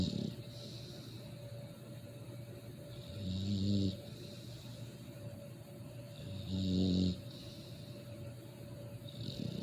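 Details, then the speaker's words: American exotic bully dog, deeply asleep, snoring nightly like a human: loud, low rumbling snores on each breath, about three seconds apart, over a steady background hum; snoring. "this dog snow like a human and it's crazy you know it's crazy he's no louder than me when he's all in it when he's dead and he's dead dead and sleepy he's snoring like a human being"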